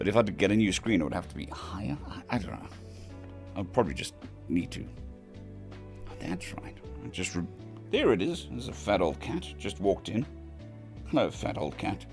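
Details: Male patient recovering from vocal cord surgery, cords mostly healed but with lost strength and stamina, physiotherapy pushing the voice, laryngitis-like quality; dysphonia after vocal cord surgery.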